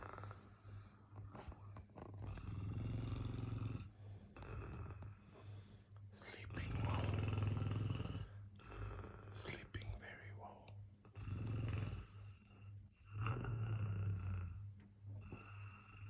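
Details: Adult snoring loudly during a road trip in South Africa: deep, rumbling snores about 13 a minute through room noise, with quieter breathing between them; loud snoring.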